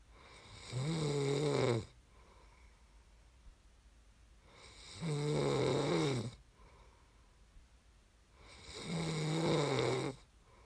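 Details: ASMR snoring recording made for listening to fall asleep: three loud, rattling inspiratory snores, about fifteen a minute, with quiet exhalations between them; ordinary snoring during sleep.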